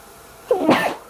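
A single muffled sneeze, dampened as if covered by cloth.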